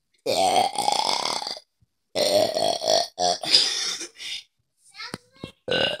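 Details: Several loud, drawn-out voiced burps in a row with short pauses between, then a few smaller ones; ordinary belching.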